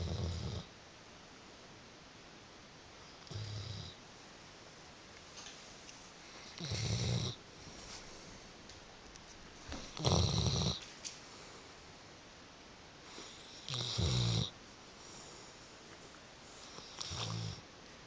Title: Snoring dobberman